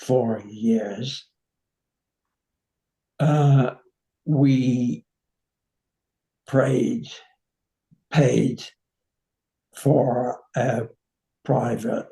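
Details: 85-year-old man with nonfluent variant primary progressive aphasia; slow, effortful speech; finding: nonfluent variant primary progressive aphasia.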